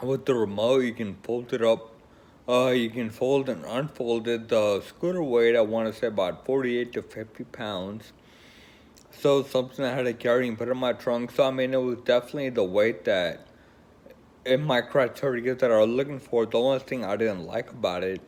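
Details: Woman with Friedreich's ataxia, a progressive neurological condition affecting coordination, who uses a wheelchair; ataxic dysarthria.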